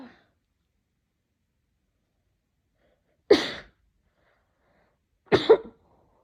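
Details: Two sharp, explosive sneezes a couple of seconds apart, each a quick intake then a forceful release; the person describes them as possibly aggressive and says more occurred off camera: sneezing.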